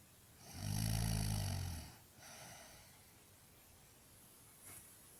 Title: Annoying snoring ever lol